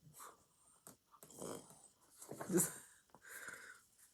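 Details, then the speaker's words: Cat with a bit of nasal trouble snoring and snuffling in the background: congested, wet, snuffly snorts and wheezy snoring sounds in a quiet room; nasal snuffling. "If you can hear a funny noise in the background, it's my cat snoring. He has a bit of nasal trouble."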